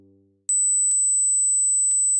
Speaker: okay if you can hear 8,000 Hertz you're both alive and not hearing impaired but let's keep raising the frequency how high could you hear